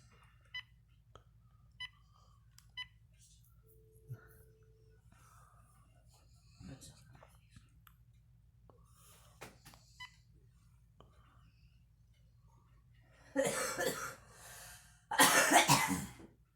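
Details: Girl smoking; after quiet room sounds with faint clicks and beeps, two harsh, noisy cough bursts: smoker's cough.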